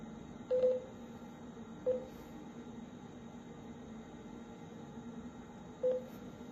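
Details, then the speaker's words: Three short, clear electronic beeps from touch-screen button presses on a veterinary electrosurgical generator's settings menu, touch sound adjustable, over a quiet room hum. "The second one is system setting. You can adjust the touch sound to turn it on or turn it off and adjust the volume or the brightness with the plus button."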